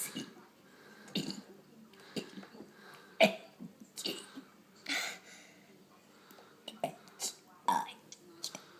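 Low, brief throaty belches come between soft whispering and small vocal noises from a child. Deliberate burping.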